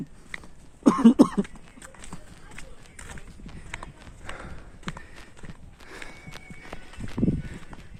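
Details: Person coughing outdoors while filming at Bundi Fort: about three quick dry coughs in a row, then quiet ambience with faint footsteps.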